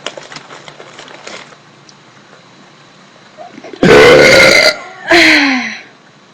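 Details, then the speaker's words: Young woman deliberately burping while drinking: two loud, prolonged voiced burps, the second shorter and falling in pitch. "they're getting better they're getting better this is not a good day for my burps but I'll continue"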